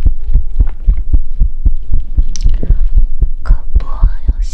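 Loud, thumping heartbeat around 115 a minute with rustling and handling noise over the top; a fairly fast heartbeat.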